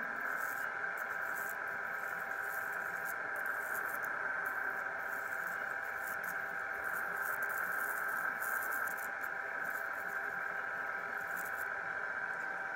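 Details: Steady high-pitched electrical hum with faint crackling from an electrocautery device using controlled electrical discharge through a fine tip, carbonizing skin to gradually lighten unwanted pigment during tattoo removal on the operator's own skin.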